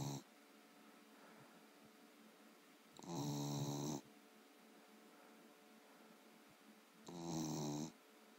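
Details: Dog sleeping, very tired after a long hike: regular low fluttering snores, about 16 a minute, with quiet breaths between; snoring in sleep.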